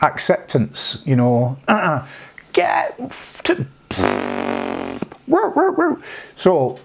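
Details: Vocal tics of Tourette syndrome in an adult man, including interjections like "hey", words, barking and coprolalia; tics at this degree began after age 46, alongside mild sniffing, humming, blinking, eye-rolling and neck-stretching tics.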